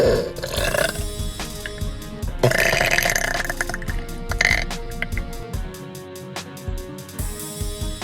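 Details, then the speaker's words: Long, low, rumbling belch lasting several seconds from a girl in her car in a parking lot, over background music; she says some burps feel unsatisfying when the ending doesn't come out. Burping. "I have been asked before if there's unsatisfying burps, and the answer is yes. It's like you get a majority of it out, and then the ending just doesn't satisfy."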